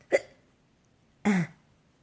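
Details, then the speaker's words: Woman talking to camera with hiccups: two short, abrupt voiced catches about a second apart in a quiet room; hiccups. "hi YouTube so I was good I have the hiccups oh I was going to make a line but apparently I can't that this time needs like it's got me"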